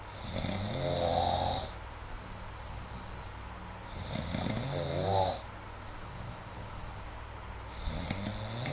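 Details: Snoring recorded with the SnoreLab phone app: rough, rattling snores on each in-breath, about three in nine seconds, with steady room hiss behind.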